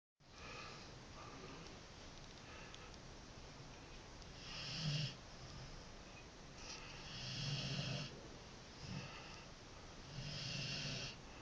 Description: My dog Nikita snoring